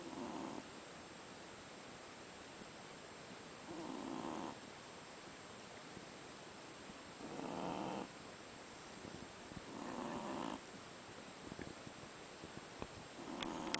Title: SHIH TZU puppy sleeping and snoring